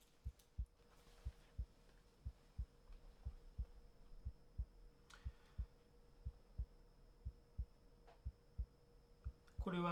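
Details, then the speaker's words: Normal heart sounds at the base of the heart, played through a handheld auscultation teaching speaker: regular paired sounds about 60/min, with the second sound louder than the first. "is the heart sound at the base of the heart where sound two is larger than sound one it is not easy for beginners to distinguish between sound one and sound two"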